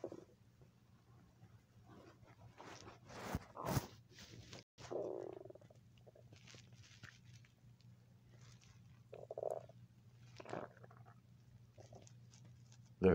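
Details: Quiet, low gurgling and rumbling stomach sounds in a still room, from a person who says their stomach is making noise and they need to eat; ordinary hunger borborygmi.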